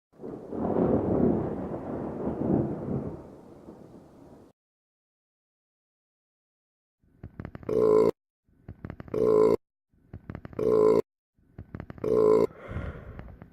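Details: Burping, played on replay: a long rumbling belch, a pause, then four short repeated burps at a steady pace.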